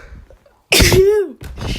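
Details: One sudden explosive sneeze with a voiced, falling tail, followed by noisy breath, music in background: a single sneeze.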